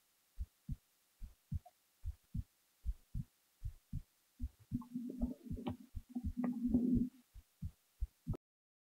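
Steady paired low thumps at about 72 beats a minute, briefly masked by a humming rustle midway; an ordinary heartbeat at rest.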